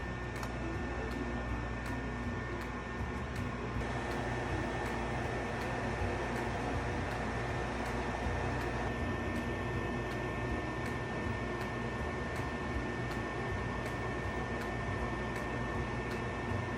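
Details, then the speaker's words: Steady motor and airflow hum with faint high whine and regular ticking from an Aegis VacStation suction unit running, holding a cotton filter in place during a suction check. "so we're just going to go ahead and flip it on and then we're going to place your cotton filter right here take your hands off of it if it's holding it in place just fine then the unit's sucking"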